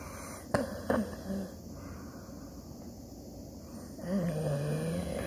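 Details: A sleeping 14-year-old Siberian Husky, tired out, gives a low, rumbling snore after two brief clicks in a quiet room: snoring.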